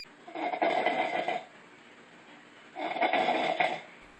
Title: Ranking the Funniest Snores of All Time😴🎤